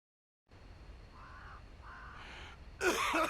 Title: coughing for 33 seconds